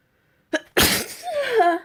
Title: Spring Sneezes